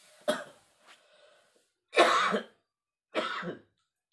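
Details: Adult man with masuk angin, feeling feverish and unwell in rainy weather, coughing at dawn while his wife does kerokan scraping: three harsh, separate coughs in quiet, the later two longer and rougher.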